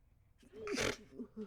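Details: Brief breathy buildup, then a short muffled burst of air; a stifled sneeze.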